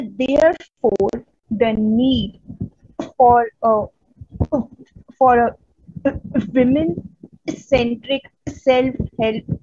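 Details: Real stuttering in a woman from India who stutters, a stammering-association member giving a conference talk on women and stuttering: stuttering.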